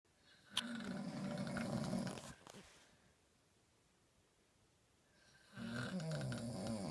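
Two long, rasping, fluttering snores separated by a quiet pause of about three seconds.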